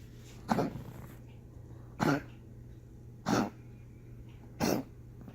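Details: Four harsh, honking coughs from a dog named Chewy at irregular intervals over about five seconds, with faint room hum behind; coughing fit.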